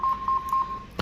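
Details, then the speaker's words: Lifepak 20 defibrillator switched on after power supply board repair for absent AC mains: steady high electronic tone with brief pulsing beeps as the mains indicator appears; normal power-on signal. "see Mains indication came so let's get it on and the Machine is switching"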